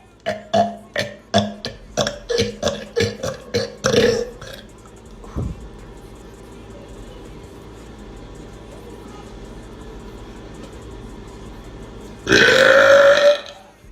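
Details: Female belching: a rapid series of about ten short belches, then a pause and one long, loud belch over soft background noise; burping.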